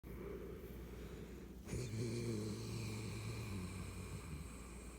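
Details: Snoring: a low, soft rattling snore over a steady background hum.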